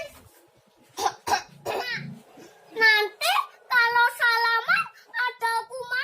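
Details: Child demonstrating correct cough and sneeze etiquette (cover with sleeve, tissue or mask): a few short acted coughs, then the child speaking and singing; not illness.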